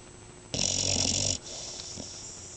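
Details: Dog in deep sleep: one harsh, hissing, rattling snore lasting under a second, then quieter breathing; snoring.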